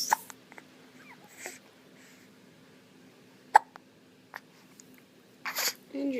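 Quiet room with a few brief, sharp catches in an infant's breathing, single hiccups spaced a few seconds apart.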